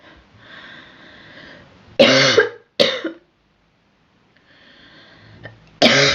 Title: Girl coughing 24